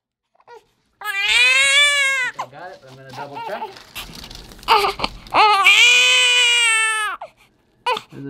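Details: A three-day-old undergoing frenotomy for tongue-tie attached to the tip, clipped with curved scissors, though latching reasonably well: two loud, high-pitched wails with sobbing breaths, a healthy, vigorous newborn cry.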